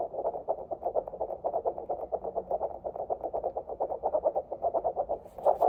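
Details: Rapid, regular whooshing fetal heart tones from a Doppler probe at a 27-week prenatal visit (ASMR OB-GYN role-play). Tones are within normal limits, stated to average in the 160s; fetal heartbeat on Doppler.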